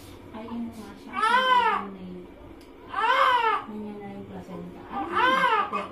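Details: Three loud rhythmic cries from a newborn just after a normal birth, with quieter sounds between; a strong, healthy-sounding newborn cry.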